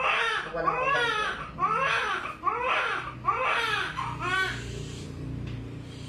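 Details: Repeated loud rising-falling wails of a newborn baby boy just after normal vaginal delivery at a clinic, then quieter room noise; a vigorous, normal first cry.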